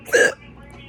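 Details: A single short voiced gulping hiccup-like burp while watching TV, faint television sound in background.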